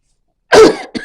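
After a brief silence, an adult gives one sharp, abrupt cough followed by a softer trailing burst: a single ordinary cough.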